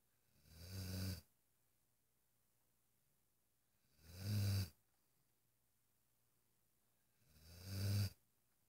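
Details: Devlin, a relaxed Irish Wolfhound dog: three low, rumbling snores on breathing in, evenly spaced at about 17 a minute, in a quiet room; snoring.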